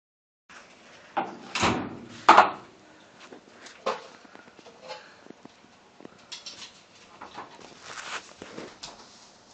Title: Epic Bear Sneeze!